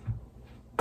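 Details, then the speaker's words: A soft low thump, then a sudden sharp crack as the knee pops while moving onto all fours during a yoga class: knee popping, joint crepitus. "So wrist, oh, that was my knee popping, did you hear that?"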